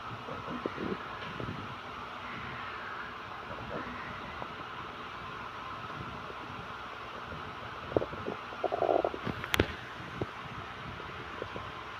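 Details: Stomach rumbling after fasting 30 hours: scattered gurgles and short rumbling bursts over a steady background hum, typical empty-stomach borborygmi.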